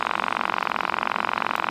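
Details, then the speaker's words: Automatic wrist blood pressure monitor inflating on a man with reportedly high blood pressure and sinus infection, reading 158/111: steady, rapidly pulsing motor buzz of the small air pump squeezing the wrist. "there's batteries in it it's somehow makes it fill up with air and squeeze my wrist I know it sounds rude at first then it sounds like a cat"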